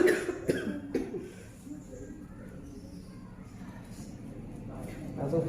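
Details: Short burst of several quick coughs, quieter room sound, then coughing again, from a patient with fever and cough at an alternative therapy session; cough.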